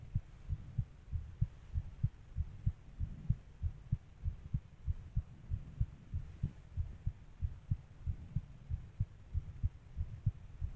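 Regular low thumping heartbeat at roughly 95 beats a minute, with a steady hum behind it; a fast heart rate.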